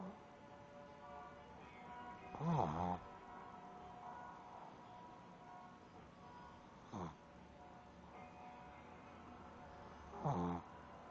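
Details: Shih Tzu snoring while sleeping: three loud snoring snorts spaced several seconds apart over a faint steady hum; ordinary dog snoring.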